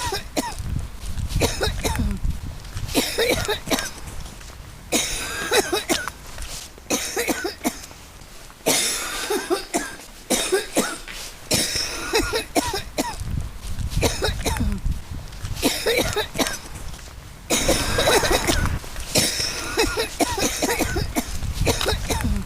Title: Sound effect: coughing